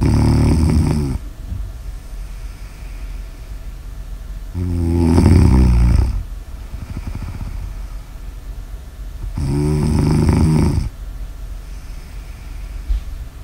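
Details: Snoring ASMR audio recording: three loud, deep, vibrating snores on inhalation about every five seconds, with noisy breathing between, roughly 13 breaths a minute; snoring.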